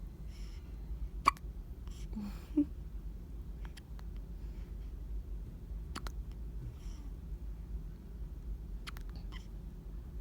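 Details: Newborn baby with hiccups: brief, sharp hiccup sounds, several over ten seconds, with soft infant noises between, in a quiet room.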